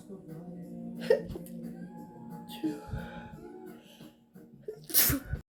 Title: attack sneeze, kill me please